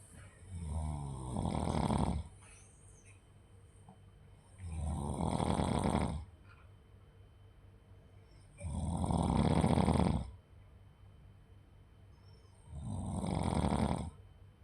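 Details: Snoring: four loud, rattling snores, one with each breath in, at about 16 breaths a minute.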